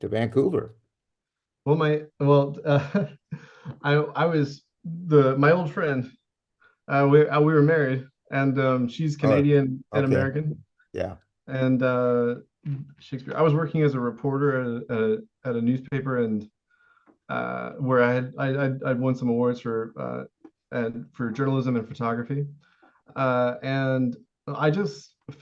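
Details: Tourette syndrome vocal tic in an adult male with severe Tourette syndrome, U.S. Navy veteran; involuntary word tic, also intermittent involuntary yelling and screaming.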